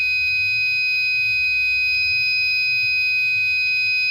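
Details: Arduino-based prototype IV infusion alarm, empty stage: fluid reading at or below 100 (about 82) turns on the red LED and a steady, continuous high-pitched buzzer signalling the bag needs replacing.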